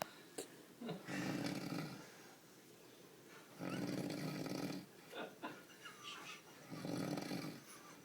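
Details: Rhythmic rattling snores on each in-breath, about three cycles in eight seconds, with quiet out-breaths between; snoring.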